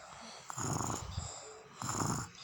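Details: Child snoring: two rough, rattling snores about a second apart over quiet room noise; snoring.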